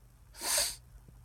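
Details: A single sharp, hissing sneeze in a quiet room, one of a series of sneezes triggered by sniffing cayenne pepper off a Q-tip; pepper-induced sneeze.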